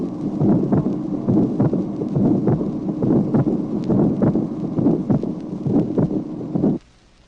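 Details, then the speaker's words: Tracing 16 from a 1966 heart auscultation teaching record: atrial septal defect with a rough pulmonary ejection systolic murmur and a split second heart sound, regular rhythm about 68 a minute. "Tracé numéro 16. Communication interauriculaire. Souffle d'éjection pulmonaire. Dédoublement du deuxième bruit."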